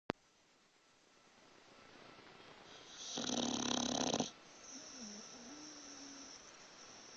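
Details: Dog asleep: one long, loud, rasping snore on the in-breath, then quieter breathing with a faint whistle: snoring.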